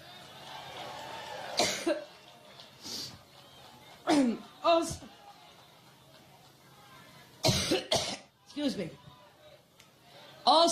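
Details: A woman, adult, has a coughing fit during a speech in Ohio: repeated harsh coughs in clusters over about ten seconds in a large room.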